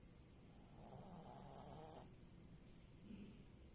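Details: Snoring in sleep after a family sleepover: a single soft, hissy, rasping snore lasting under two seconds, then quiet.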